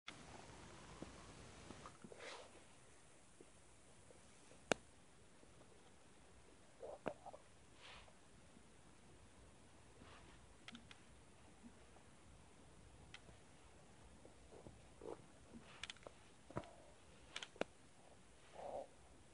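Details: Scattered soft gurgles and brief rumbles in a quiet room; audible stomach growling (borborygmi), recurring episode.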